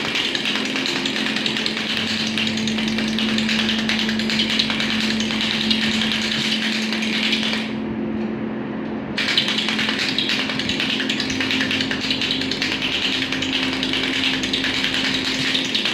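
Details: Pneumatic shockwave therapy for low back pain in a patient with seven years of back pain, after 15 days of treatment: loud, fast rattling mechanical pulses with a steady hum and a brief pause midway, from the device firing.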